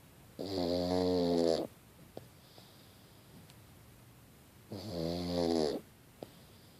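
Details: Sleeping pug dog snoring: two loud, buzzing, rattly snores on the in-breath about four seconds apart, with quiet breathing and faint clicks between them.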